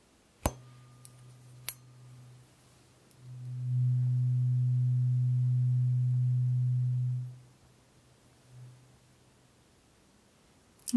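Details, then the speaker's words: A tap then a steady low pure hum swelling and fading; the first, lowest of eight tuning forks in a simulated ASMR roleplay hearing frequency test, played to each ear. "so having heard that in both ears is it a strong sound is it something that you could hear clearly"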